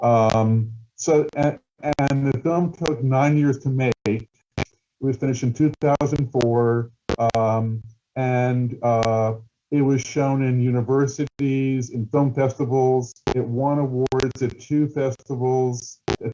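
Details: Adult male who stutters, with word and phrase repetitions; stuttering.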